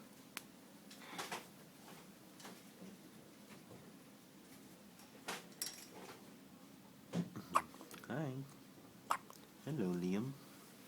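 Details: A few sharp, brief hiccup sounds from a baby among soft baby noises and gentle voices in a quiet room; hiccups.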